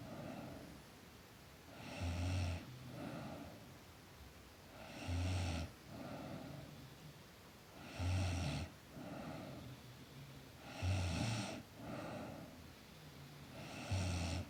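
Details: Girl snoring in sleep: steady low rumbling snores on each breath in, about 20 breaths a minute, with a quieter breath out between them.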